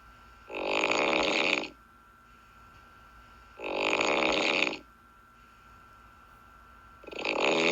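Loud, harsh rattling snores about once every three seconds, with quiet pauses between; snoring sound effect.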